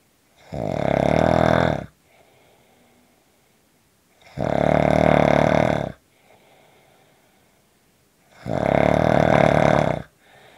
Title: Short snoring Audio